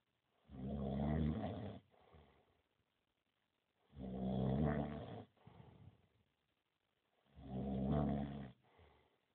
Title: snoring friend